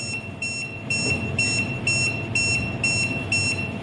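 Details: Steady high beeps about 125 a minute from a training AED during CPR demonstration after no shock is advised; AED alert tone.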